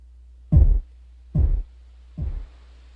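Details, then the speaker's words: Simulated stethoscope over the arm during a manual blood pressure test: three low, soft Korotkoff beats fade to a faint whoosh, marking the diastolic point at 80 of a 120/80 mmHg reading. "But yeah, when the thump fades and the whoosh can be heard in the stethoscope, this is the diastolic reading."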